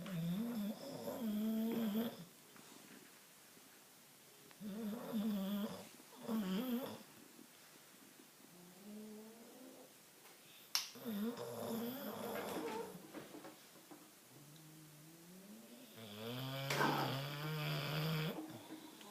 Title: Bulldog snoring...